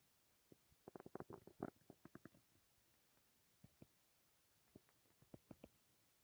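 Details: Loud stomach growls: bursts of gurgling, bubbling rumbles from the belly, clustered then sparse; ordinary bowel sounds (borborygmi).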